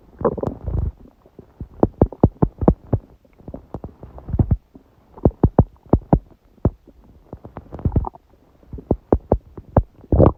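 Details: Clusters of gurgling and squeaky, bubbly rumbles with short quiet gaps, recorded at 1:30 am on waking, six hours after a large udon meal at 19:30; owner suspects gluten after a long break; borborygmi.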